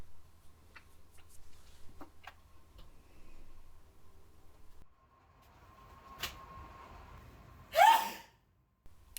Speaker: told you I've been feeling under the weather did you hear that sneeze